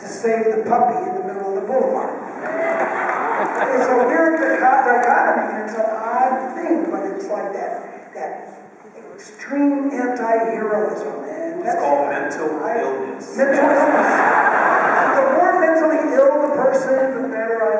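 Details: Adult male with one vocal cord bowed and one paralyzed after a childhood clothesline injury to the neck, present ever since; raspy voice with excess air escape; dysphonia from unilateral vocal fold paralysis.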